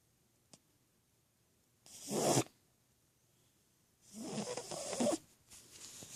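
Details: A sleeping cat makes rasping, noisy breaths at about 22 a minute, with quiet pauses between them: cat snoring.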